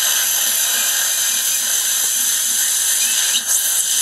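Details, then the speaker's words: Continuous high-pitched whine of a 2.2 mm surgical twist drill preparing a dental implant site in bone, drilling to about the 13 mm marking during live surgery, stopping short of full depth; dental implant twist drill. "And I'm going down to about 13. And again, we'll stop."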